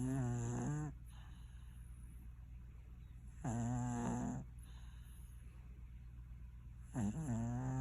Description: Our cat Stinky snoring away in dreamland...